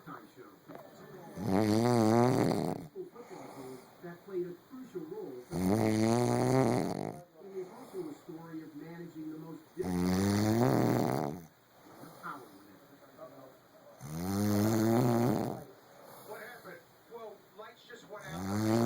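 Loud, rough, rhythmic snores at about 14 per minute, with television talk in the background; ordinary snoring.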